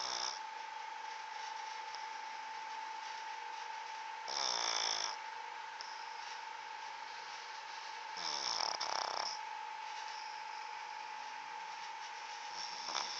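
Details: Snoring during sleep: two to three rattling, fluttering snores over a steady background tone.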